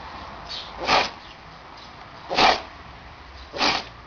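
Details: Animal sneezing: three short, sharp, explosive bursts of air about a second apart; sneezes.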